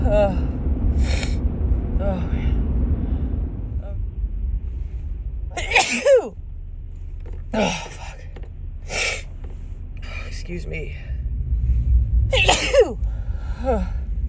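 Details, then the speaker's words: Repeated sneezes with sharp in-breaths over steady car engine rumble from a woman with allergies whose nose keeps tickling; sneezing that starts instantly in the car, in the morning; allergic rhinitis. "I just can't stop sneezing this morning. Here comes another one, I think."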